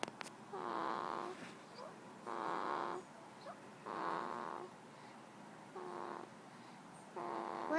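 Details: 2-week-old baby boy asleep: regular nasal snoring or snuffling, each breath a tonal rasp repeating about every two seconds, roughly 30 breaths a minute; ordinary sleep snoring.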